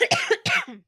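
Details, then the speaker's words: Adult recovering from illness, recorded during a podcast: two quick, dry-sounding cough bursts with voiced throaty onsets in a quiet room. "Yeah, I also want to apologize. I moved, and I also am recovering, which you'll hear me cough."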